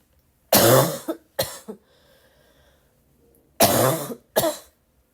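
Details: Female with a cold: four harsh, loud, barking coughs in two pairs, with a rough, congested edge; barky cough.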